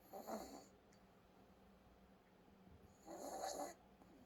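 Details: Snoring sound: two soft snoring breaths about three seconds apart, with a hissy, snuffly quality, from a sleeping pet.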